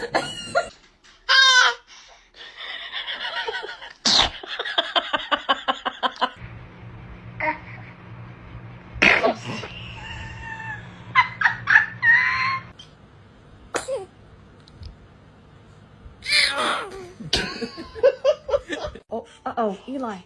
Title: Baby sneeze🤣😂#usa #funny #be happy #baby #funnyshorts